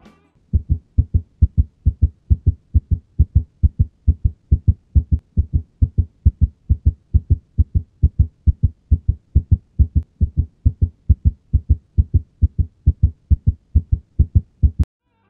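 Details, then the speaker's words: Reentrant tachycardia (AV nodal reentry) auscultated alongside ECG: rapid, perfectly regular heartbeat near 140–150 a minute with preserved, clear, unsplit heart sounds. "nesse primeiro exemplo temos um flutter atrial e nesse próximo exemplo temos um ataque Cardia por reentrada"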